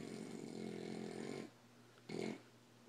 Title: My Uncle Snoring!!